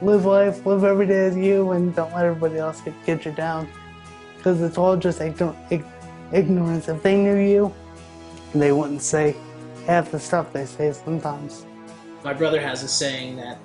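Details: Dysarthria in a 27-year-old man with cerebral palsy (spastic quadriplegia) diagnosed at birth after being born 10 weeks premature with a brain bleed; all four limbs are affected, and his mother says his muscles tighten up when he talks.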